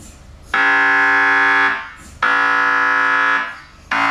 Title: "mri sounds" 2021